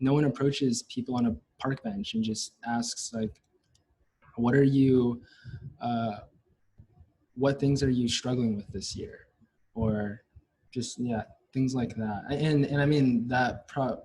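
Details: Stuttering since childhood, lifelong, in a Chinese-American fourth-year neuroscience university student, with part-word and word repetitions.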